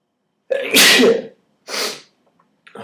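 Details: Sneezes triggered by pulling nose hairs: two forceful sneezes, one loud and one softer, a moment apart.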